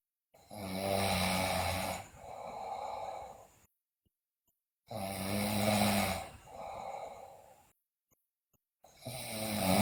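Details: Sleeping girl snoring loudly, described with bruxism and delirium: loud rattling snores on each breath in, then a rougher breath out, about 15 breaths a minute, over chanting and music; heavy snoring.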